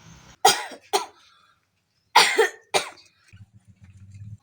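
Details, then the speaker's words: Acted comedy skit: child whose cough won't go away gives four sharp, harsh coughs in two pairs before an old-style taro leaf remedy; cough. "ini bocah batunya gak sembuh-sembuh kasihan sekali abang cariin obatnya bentar ya"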